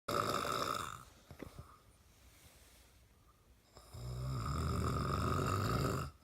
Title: Daddy snoring